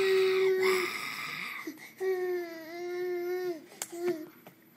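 A baby's high, sustained wailing cry in two long bursts with a short break, ending in a brief squeak; an infant cry.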